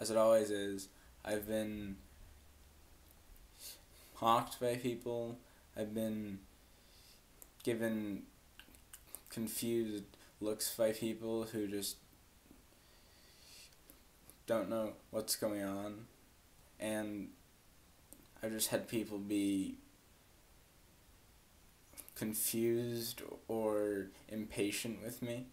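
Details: Adult woman who has stuttered since about age four, struggling most with blocks where a word or sound won't come out; stuttering with blocks.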